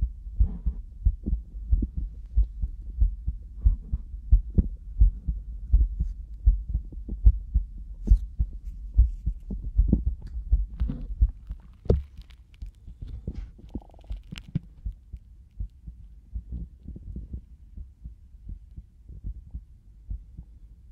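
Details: Binaural ASMR stethoscope recording of an adult heartbeat: repeated low, dull thumps with occasional scraping from chest-piece movement.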